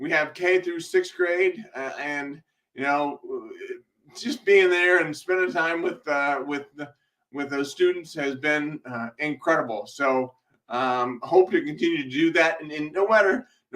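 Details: Man blind since 2011 who underwent brain surgery and multiple eye surgeries, with a self-described speech impediment causing delays, worse that day; speech hesitations (disfluency).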